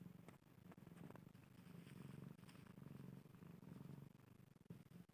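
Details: Steady, low, rhythmic purring from a domestic cat that continues through each breath in and out; normal cat purring.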